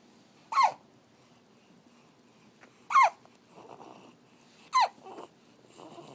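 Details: Puppy hiccups, age uncertain (owner not sure how many weeks): three sharp, squeaky little hiccups a couple of seconds apart with soft breathing between; harmless.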